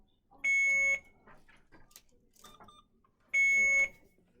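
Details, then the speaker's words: Two loud, high-pitched half-second alarm tones from an IV infusion pump, with quiet movement between them, during a simulated nursing skills scenario; an occlusion alarm caused by a closed line clamp. "oh no alarm wow what do you know like oh it's because my clamp is closed"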